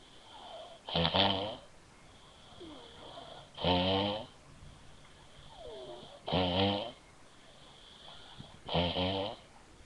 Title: shes pretty pretty good at snoring